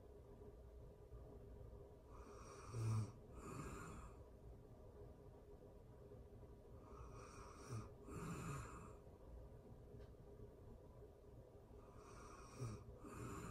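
Slow, soft snoring, about 12 breaths a minute, each with a rough intake and a breathy outflow, in a quiet room: snoring.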